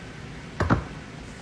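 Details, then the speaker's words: Back cracking (joint cavitation): a person deliberately cracks their own back, giving two quick cracking pops in a quiet room. "Yo, I've been saving my back crackage for TikTok, so it's like 3 in the afternoon."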